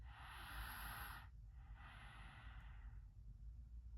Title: Loud snoring for Dr review